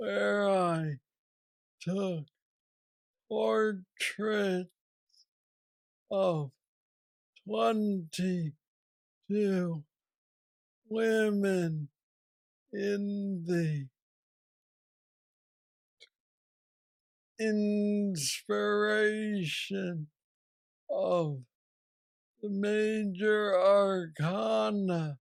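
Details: 46-year-old man with Parkinson's disease diagnosed at age 35, which he calls the most aggressive form; he has a deep brain neurostimulator implant and mobility struggles; Parkinsonian speech (hypokinetic dysarthria).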